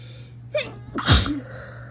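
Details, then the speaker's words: Induced sneeze with a sensitive nose: brief inhaled catch, then one loud explosive sneeze over steady fan hum. "so I'm just going to be inducing some sneezes for a while so for oh it's really sensitive today"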